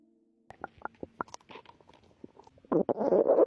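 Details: Abdomen of a pregnant woman, recorded before her contractions began: a series of gurgles, squeaks and rumbles ending in a louder growl, i.e. ordinary stomach growling (bowel sounds).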